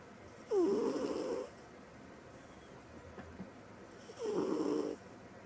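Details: Female cat sleeping: two rattling snores, each about a second long, with quiet pauses, about 16 breaths a minute; snoring.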